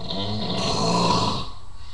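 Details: Man snoring while asleep: one loud, rough, rattling breath in.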